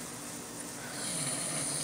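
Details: Snoring from an adult man asleep at about 4:30 am: a rough, rattling breath growing louder.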